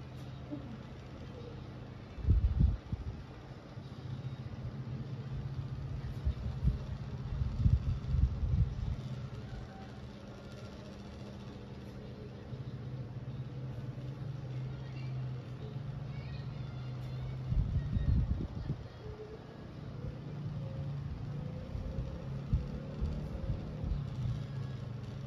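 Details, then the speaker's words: Stethoscope auscultation of a patient's lungs: soft, low rumbling breath sounds without crackles or wheeze; normal lung sounds with no added sounds. "baik di sini bisa kita dengarkan bahwa suara paru pasien normal dan tidak ada bunyi tambahan"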